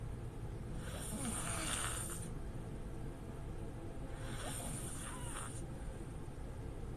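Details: Girl asleep with her mouth open: two slow, loud rasping snores about three seconds apart over steady room hum; open-mouth mouth-breathing snoring.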